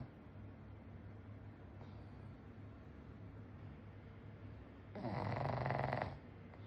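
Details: Pug snoring loudly during a deep nap after a meal: quiet breathing, then one loud, harsh, fluttering snore lasting about a second.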